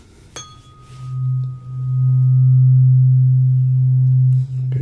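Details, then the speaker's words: A sharp strike, then a steady low hum from a tuning fork for a hearing check, one ear then the other, patient signals when sound starts and stops; acted ASMR cranial nerve exam roleplay. "what i'm going to do is i'm just going to hit it and you're just going to let me know the second video he can hear it okay"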